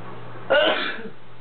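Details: Single short, harsh throat-clearing burst over a steady low hum; the person says they were sneezing and apologizes for startling a companion nearby.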